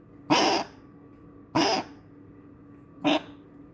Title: Rodeo coughing again